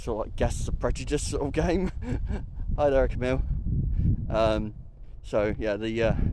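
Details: Adult attending a Tourette's camp, with an interjected phrase that appears to be a vocal tic; vocal tic (Tourette syndrome)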